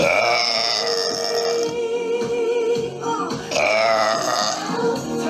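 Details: Girl burping in a TikTok burp compilation: one long, drawn-out voiced burp heard over background pop music; ordinary belching.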